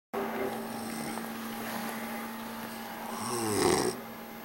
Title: deckard snore